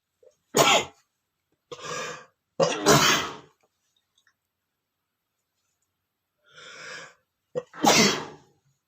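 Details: Adult male: three loud, explosive sneezes, the last two each preceded by a sharp audible in-breath; ordinary sneezing.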